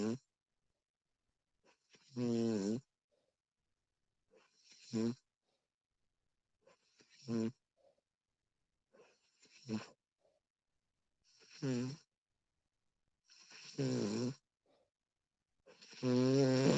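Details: Loud rattling snores on each breath in, about seven in under 17 seconds, with quiet pauses between, from a sleeping woman recorded during sleep; ordinary snoring.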